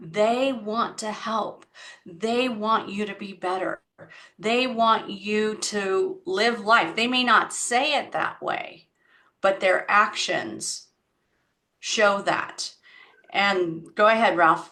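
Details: Adult woman speaking; typical speech.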